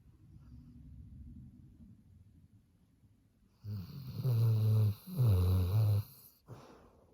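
Soft breathing, then two loud, low, buzzing snores about a second long each; snoring in a sleeping dog.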